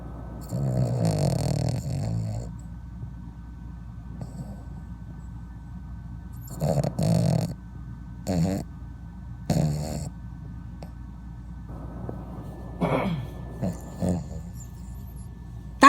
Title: snoring dog